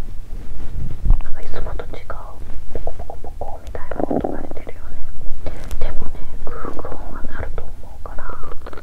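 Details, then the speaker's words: Woman's empty stomach, unfed for over 17 hours and bloated before her period, recorded by microphone around ten o'clock. Continuous loud gurgling and squeaky rumbling; hunger stomach rumbling (borborygmi). ""फिर, मैं भूख की आवाज़ record करने की पूरी कोशिश करूँगा।" "अब दस बज गए हैं"। "मैं अपनी पूरी कोशिश करूँगा!"। "आह! मेरा पेट कराह रहा है"। तीन घंटे तक मैं भूख की आवाज रिकॉर्ड करता रहा।"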